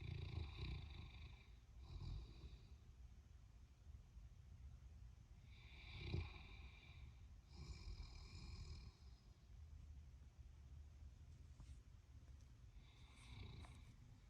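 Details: Sleeping St Bernard dog with bone cancer (a knot in his leg), dreaming and snoring in an office: soft, irregular snorting breaths and low rumbling snores with faint dream noises; ordinary snoring.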